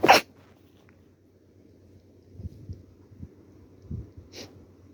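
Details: Two sharp sneezes with a short, quieter sound between them, during a cold with a stuffy nose.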